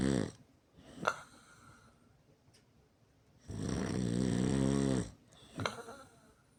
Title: Me snoring pretty loud